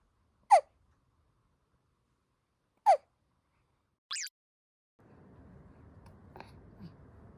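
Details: Newborn baby, 0–2 months old, hiccuping: two brief, sharp, identical chirp-like catches a few seconds apart, then a small squeak and soft room noise; infant hiccups.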